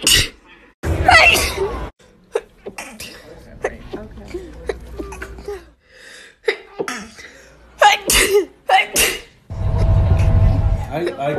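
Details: Minute-long compilation of sneezing: a string of sharp, explosive sneezes from different people, some with a brief gasp before, separated by quiet gaps.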